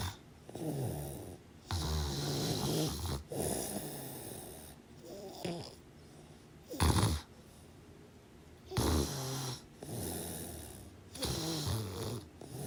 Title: Snoring sounds over 25 minutes! Enjoy